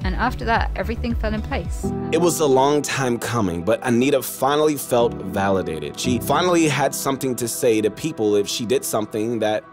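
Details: Adult male narrator; normal speech.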